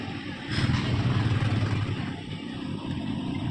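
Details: Steady low motor rumble with a faint pulsing hum from a Yuwell 10-litre oxygen concentrator running at about 10 L/min; normal operating sound.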